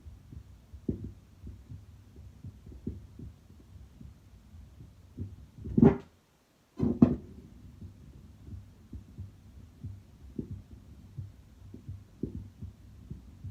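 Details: Normal resting heart sounds auscultated with a stethoscope at pulmonic, aortic, Erb's point, tricuspid and mitral sites; soft, regular low thumps with a brief chest-piece scrape.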